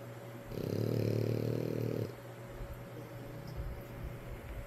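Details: Snoring while sleeping alongside father: one low, fluttering, rumbling snore lasting about a second and a half, with soft room noise.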